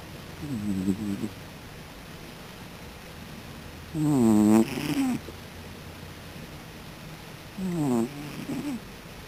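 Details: Snoring: three slow, tonal, rattling snores on breaths, spaced a few seconds apart, over quiet room noise.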